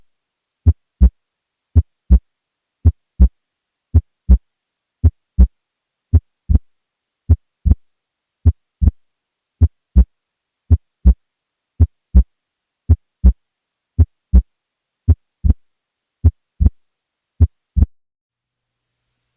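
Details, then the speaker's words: Loud P2, steady heart sounds about 55 a minute: a prominent second sound with P2 louder than A2 or easily heard at the apex, suggestive of pulmonary hypertension. "however a P2 that is louder than A2 or one that is easily audible at the Apex is suggestive of pulmonary hypertension take a listen here"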